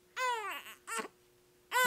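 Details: Newborn gives two short, strong, high-pitched cries with a third starting during a neonatal physical assessment; normal vigorous newborn cry.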